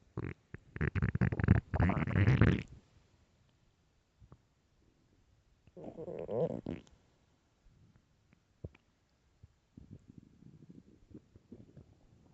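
Loud low gurgling rumbles in bursts, then softer bubbling: stomach growling from an empty stomach.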